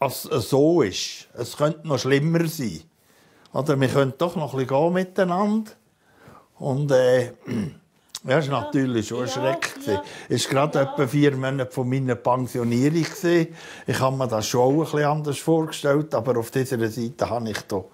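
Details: Adult man speaking; no disorder.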